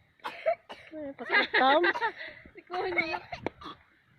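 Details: Adult coughs while eating in a rice field: several short, harsh coughs mixed with voiced throat sounds.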